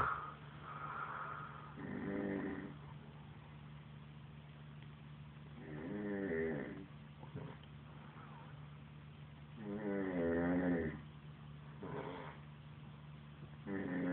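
Rough, vibrating snores on breathing in, about 15 a minute, over steady low room hum.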